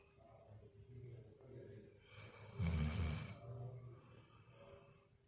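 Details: A pet dog snoring while asleep on a lazy day: soft, low, rumbling breaths with one louder snorting snore in the middle.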